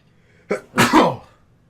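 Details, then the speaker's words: A single adult sneeze, announced just beforehand while speaking: a brief catching breath, then one loud, explosive burst of air. "hold on let me sneeze real quick don't know you might hear it I might cut it out oh"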